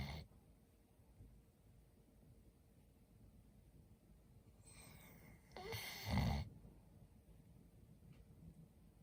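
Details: Sleeping Labrador Retriever puppy in a quiet room: one low, rough snorting breath midway through; snoring.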